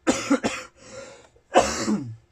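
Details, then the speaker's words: A run of harsh, explosive coughs from an adult man who says he is really sick, in a small room with brief pauses between bursts: acute cough. "And I apologize again for the cough. Unfortunately, as you can hear, I'm really sick, but the guys need"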